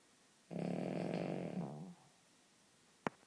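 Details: A Cavalier Spaniel dog snoring: one long, rattling, buzzy breath of about a second and a half, then quiet with a brief click.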